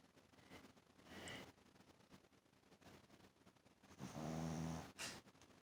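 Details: Sleeping Shih Tzu dog snoring: low rumbling snore with a snorting quality during sleep breathing, against quiet background noise.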